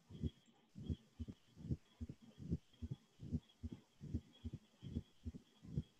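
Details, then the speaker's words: Teaching clip in valvulopathy board-review lecture: regular heart sounds about 74/min with faint low diastolic rumble, crescendo from atrial kick, ending at S1; mitral stenosis murmur. "murmur and the reason why it's actually crescendo is your atrial kick so it opens some blood starts going in and then you have that atrial kick and boom it gets a little bit louder and then stops right at s1 which is mitral valve closure"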